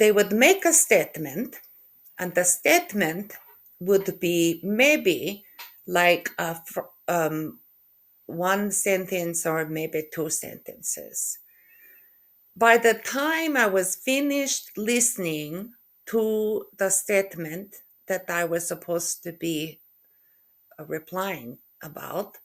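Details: Aphasia in a woman after a stroke in November 2023, with word-retrieval difficulty (anomia), word mix-ups, halting speech, syntax errors and impaired comprehension of spoken language.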